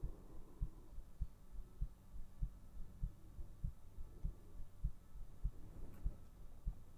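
Steady low thumps, about 100 a minute, under a soft hum: a regular heartbeat.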